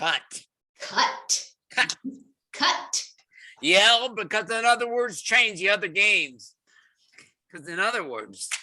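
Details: Fluent (Wernicke's) aphasia in a man trying to read a single word aloud during a word-retrieval therapy session, producing fluent but off-target speech with repetitions and perseverations.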